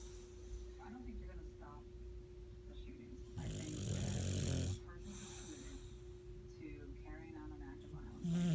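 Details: Sleeping male dogs snoring: low rumbling, snorting breath sounds over a steady room hum; snoring.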